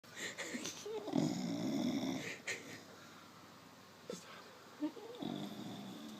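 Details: Loud, wet, rumbling snore with snorts and whistling wheezy breaths from a sleeping, tired bulldog.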